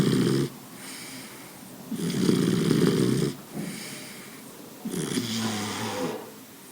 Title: Boxer snoring :: Boxer a ressonar :: Boxer Fans & Lovers